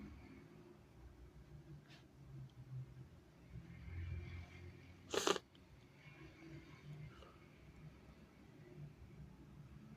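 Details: One forceful sneeze, a single sudden loud burst near the middle of a quiet room recording.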